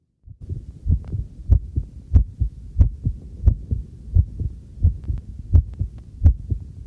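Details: Normal heartbeat recorded with a homemade field stethoscope microphone while doing housework: regular low thumps about 88 beats a minute, with running tap water and tableware clinking in the background.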